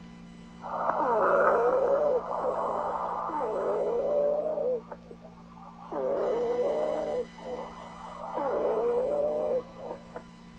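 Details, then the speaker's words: Several musical whistling tones at once with each breath on lung auscultation, in a teaching example of abnormal breath sounds; polyphonic wheezes. "sibilancias expira torias a no sibilancias polifónicas"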